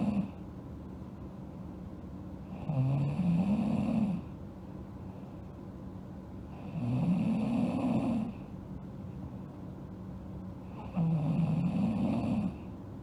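Regular rattling snores about every four seconds, roughly 15 breaths a minute, each with a rising vibrating tone; steady snoring during sleep.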